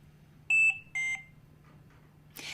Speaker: Trilogy 100 also has a number of low priority alarms which convey information that you should be aware of for example a button is stuck or the detachable battery needs to be charged low priority alarms are two beeps together in a repeating pattern